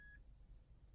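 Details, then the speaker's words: Tympanometer beep during a hearing test of a 7-year-old girl whose teacher suspected she wasn't hearing; a short, high electronic beep as ear pressure is tested, then quiet room hum. "it will test the pressure in your ear here you'll hear a beep beep"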